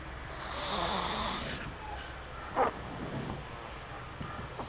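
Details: A long, rough, noisy breath swells and fades, then a brief snort-like burst follows over quiet room noise; snoring during sleep.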